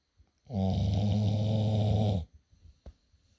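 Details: Sleeping Pitbull dog snoring: one loud, long, deep, buzzing snore lasting nearly two seconds, followed by quieter breath sounds.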